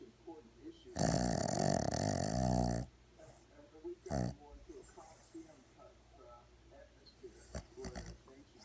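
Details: 4-month-old Boston terrier puppy deep in sleep: one loud, snorting snore then a brief softer snort, television talk in background; snoring.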